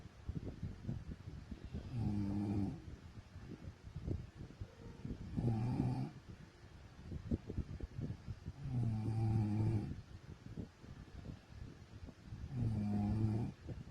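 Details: Adult woman (wife) snoring in sleep: low, rumbling snores on each in-breath, about 17 a minute, with quieter breathing between them.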